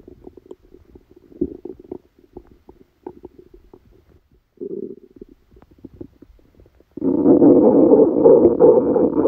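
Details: Quiet gurgles and crackly rumbling ending in a sustained loud churning rumble: active bowel sounds from a person with a stomachache after Christmas dinner, recorded while they slept.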